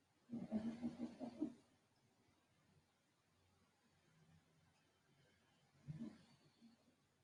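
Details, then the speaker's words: Deep, heavy snoring breaths from a dog sleeping in the corner of the room during a yoga session; snoring. "and I'll just point out that really deep breathing that wasn't me it was my dog over in the corner if you if you practice with me before you remember the sound of the snoring dog"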